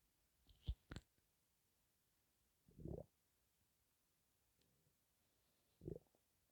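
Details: Stomach holding only gas and air, perhaps from hunger, gives low gurgling rumbles in a few separate bursts against quiet as the person breathes in and out; stomach rumbling (borborygmi).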